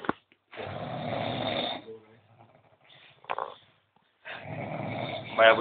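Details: Heavy snoring after a bout of heavy drinking: loud, rough, rattling snores in long noisy bursts separated by quiet pauses, with faint voices nearby.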